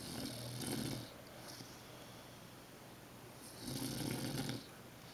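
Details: Snoring from a grandmother napping with her 3½-month-old grandson: two loud, rough, low rumbling snores about three seconds apart, with quiet breathing between them, in a small room.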